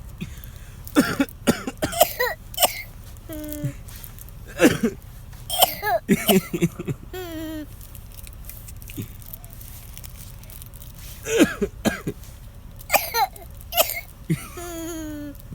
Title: The baby who liked to cough